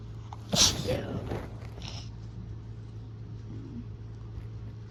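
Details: Allergy-season sneeze, deliberately induced because of a constant nasal tickle: one forceful, wet sneeze, then quiet breathing against steady room hum.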